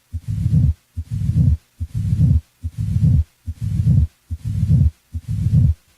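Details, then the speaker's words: Crescendo murmur in a teaching demonstration: regular heartbeat at about 72 per minute with a low rumbling murmur that grows louder over each beat. "the shape of a murmur is determined by its intensity over time a crescendo murmur grows louder"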